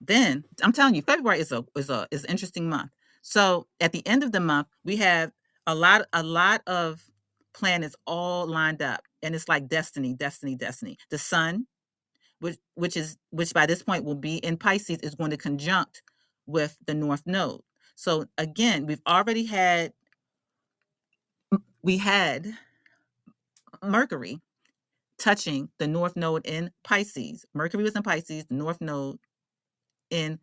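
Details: Adult woman who states she is a stutterer, working on her speech, and says she stutters less when allowing herself to be herself; stuttering.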